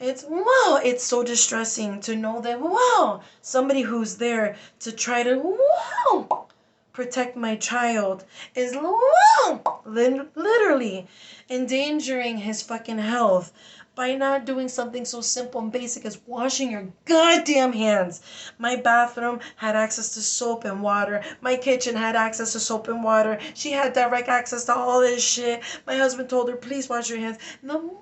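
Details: Adult woman with Tourette syndrome producing involuntary insults and interjections ('whoa') alternating with apologies, finding them hard to control; vocal tics (Tourette syndrome).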